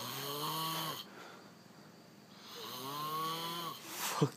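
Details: Two loud, rattling, pig-like snores on breathing in, with a quiet pause between them; heavy snoring.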